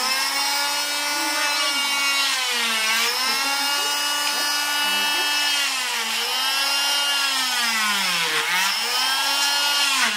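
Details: Oscillating cast saw cutting through a boy's arm cast after two months: high-pitched motor whine dipping and rising in pitch as the blade meets resistance.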